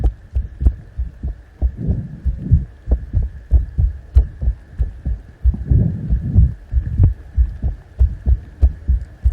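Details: Steady low heartbeat thumps at about 95 a minute under soft scratching and rustling from ASMR ear picking.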